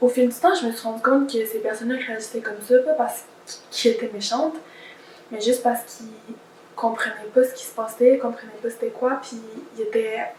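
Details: Adult woman who stutters, speaking in French: stuttering.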